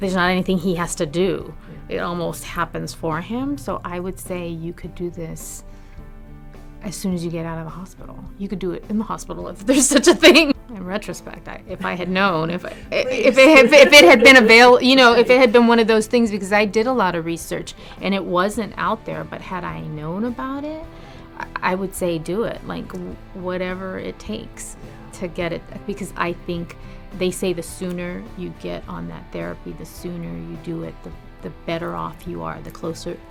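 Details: Adult woman speaking; normal speech.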